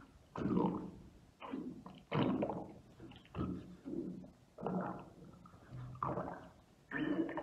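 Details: ASMR recording of an adult's abdomen in a quiet room: deep, gurgling rumbles in repeated bursts of about one second, roughly seven in all: active bowel sounds (borborygmi).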